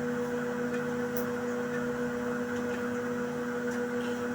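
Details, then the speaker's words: Steady motor hum of an automatic digital blood pressure monitor inflating an upper-arm cuff during a home reading; the reading came out as 114/80. "So the machine is um taking the readings is still on it. You give the machine time to bring out the readings."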